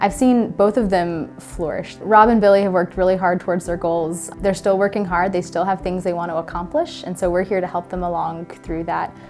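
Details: Adult woman speaking; normal speech.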